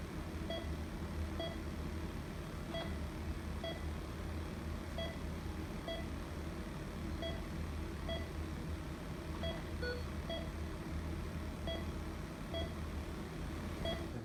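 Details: ECG monitor in an EKG teaching demonstration of a premature (early) contraction: beeps at about 60 a minute in a repeating short-long pattern over a low hum, a regularly irregular rhythm.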